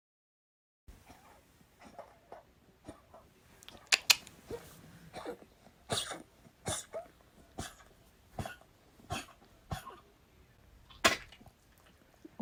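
A dog gives a run of soft, short, muffled coughs with faint breathing between them, a weak unproductive cough fitting congestive heart failure.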